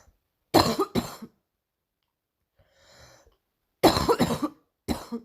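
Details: Recurring morning cough: a quick pair of harsh coughs, a faint breathy sound, then two more coughs in a quiet room.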